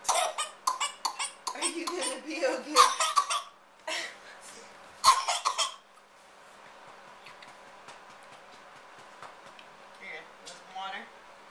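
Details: A child's coughing fit during a birthday waffle breakfast: bursts of repeated, forceful coughs with gasping in-breaths, easing into quieter breathing, with household sounds behind.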